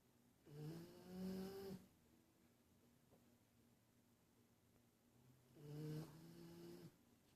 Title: Snoring